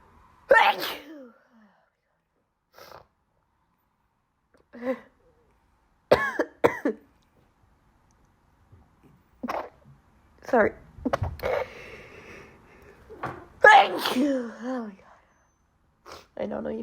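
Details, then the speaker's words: Loud sneezing fit in a person attributing it to allergies, possibly from their cat, with frequent sneezing fits at night, coughing, wet sneezes and a strained voice, saying it's really hard to talk when you have to sneeze. "it's really hard to like talk when you and you have to sneeze"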